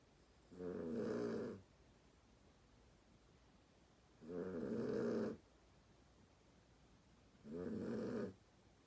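Three steady, fluttering snores on breathing in, about 16 a minute, with quiet pauses between them: a sleeping dog snoring.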